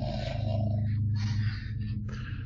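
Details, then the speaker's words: Loud, demonic-sounding snoring from a sleeping Cavalier King Charles spaniel, about 4 years old, heard in the background of a video call. "Sorry if you can hear my dog snoring. That's awesome. It's a great sound. It's very demonic."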